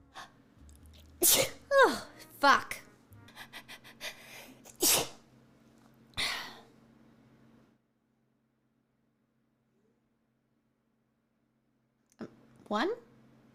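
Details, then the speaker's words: Person who says they need to sneeze takes several quick sharp breaths in, then gives several explosive sneezes with faint background music; ordinary sneezing. "oh no oh no oh no [Music] oh i need to sneeze"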